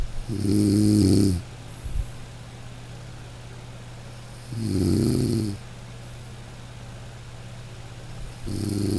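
Deep, rattling snores about every 4 seconds, roughly 15 a minute, with quiet breathing between them over steady room hum.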